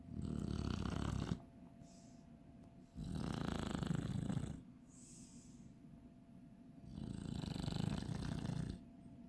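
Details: Snoring Chinese Shar-Pei dog.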